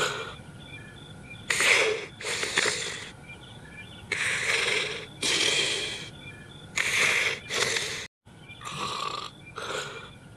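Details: Light snoring while asleep in bed: repeated hissy, whistling breaths in a steady rhythm, roughly a dozen breaths.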